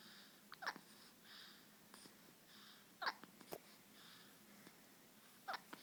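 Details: Infant hiccups: soft, sudden catching sounds about three times in six seconds over quiet breathing, a normal finding.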